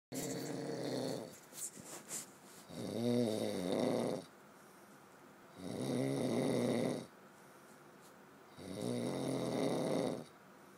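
Loud, rattling snores on each in-breath, three clear cycles in about eleven seconds, roughly 17 breaths a minute, with quiet pauses between.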